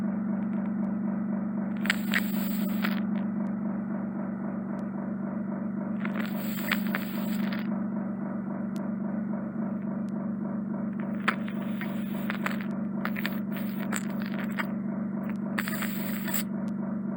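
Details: Left-ear microsuction in a woman with severe ear wax impaction: steady endoscopic suction hum with intermittent crackling and sucking bursts as wax is drawn in; straightforward removal, after which a potential attic cholesteatoma was noticed on the eardrum.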